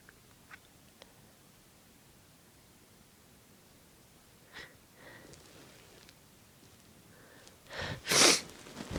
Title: Induced Sneezing and Noseblowing - Part 2